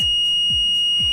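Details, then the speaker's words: LTV 1200 ventilator inoperative alarm during an operation check, with the ventilator turned off by holding the on/standby button: steady high-pitched electronic alarm tone with regular pulses, sounding for the full 15 seconds. "observe the ventilator for 15 seconds listen for the alarm tone for the full 15 seconds watch the vet in up led for the full 15 seconds"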